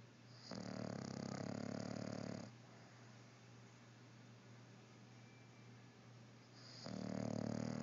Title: snoring